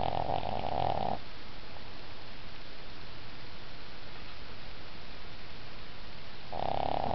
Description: Cooper is taking a nap on my bed, and is snoring very loud!